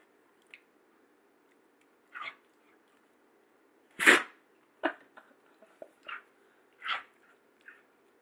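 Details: Female dog, closing her left eye before sneezing, gives short sharp nasal bursts with one loud explosive sneeze among smaller snorts over room hum; sneeze.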